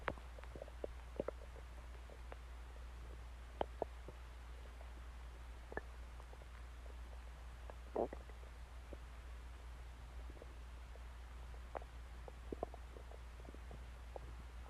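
Scattered soft gurgles and clicks over a steady low hum; ordinary bowel sounds of a growling stomach.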